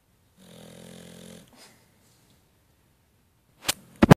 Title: 20140915-Jake snoring